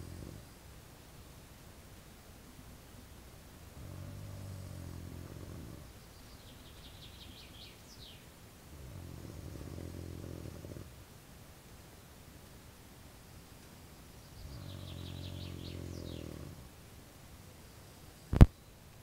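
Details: Low, rumbling snores at a slow, steady pace, about nine breaths a minute, from a conscript sleeping in an army tent during 2012 service, with faint birdsong outside and a sharp click at the end.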